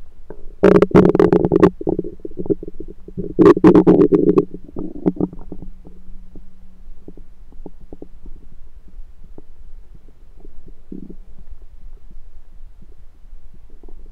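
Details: Own abdomen recorded with a USB stethoscope: loud gurgling, bubbling bursts then quieter scattered gurgles; ordinary bowel sounds (borborygmi).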